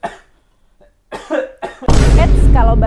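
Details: Several uncovered, acted adult coughs ending in a loud harsh burst in a small room, staged for a cough etiquette demonstration: cough.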